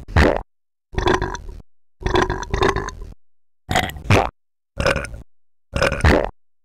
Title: LNR - New Burp - 22